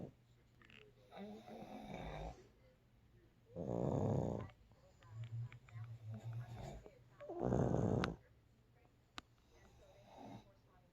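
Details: Two pugs napping, snoring: loud, rattling, snorting breaths repeat every few seconds, with softer fluttering noise between them.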